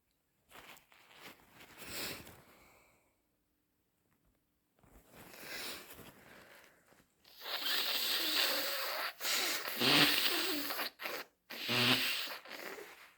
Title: A couple of sneezes and lots of snotty blows - Am I catching a cold again?